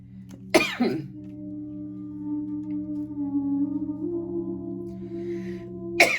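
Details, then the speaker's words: Two single harsh coughs several seconds apart, over sustained singing-bowl music, from an adult speaker who says she has been struggling with asthma. "I apologize for the coughing. I've really been struggling with asthma."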